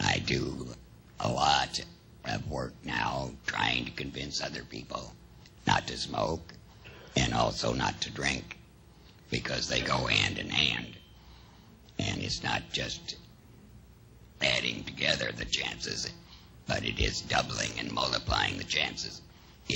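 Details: Adult male after laryngectomy seven years earlier, with no chemotherapy or radiation; exact alaryngeal method (esophageal or tracheoesophageal puncture) not confirmed; alaryngeal speech after laryngectomy.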